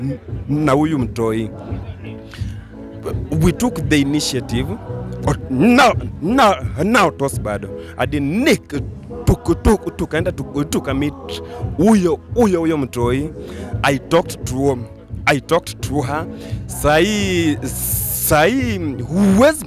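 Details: Adult male comedian who stammers, with onset in class 2 at school; stuttering.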